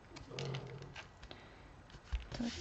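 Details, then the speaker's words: Low, rumbling snores from a sleeping dog heard faintly, two breaths about two seconds apart, over quiet room noise and light handling sounds; dog snoring loudly. "c'est Toto qui ronfle je sais pas si vous l'entendez mais il ronfle de fou"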